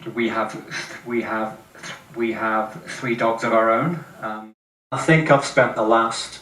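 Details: 48-year-old with severe lifelong stuttering, recorded before a 3-day speech class, with audible word and phrase repetitions; also reports blocks and facial contortions; stuttering.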